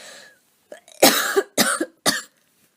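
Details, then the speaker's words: Three short, fairly loose coughs after brief intake of breath from an adult with asthma recovering from a cold, itchy chest, slight wheeze at end of inspiration. "time I don't know if you're getting that um right at the end of my breath intake it's a little bit of a Weise"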